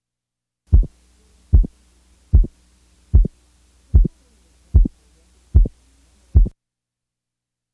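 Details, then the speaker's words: Split second heart sound with a 75-millisecond splitting interval, heard best at the left base with the diaphragm chest piece. "now listen to a second sound splitting at 75"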